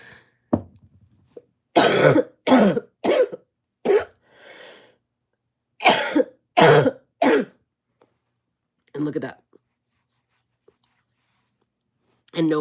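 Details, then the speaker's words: Harsh, deep coughing fits from an adult woman with COVID-19, a non-smoker whose cough sounds like a smoker's cough. "no I don't I don't smoke that sounds like a smoker's cough that's just the covid"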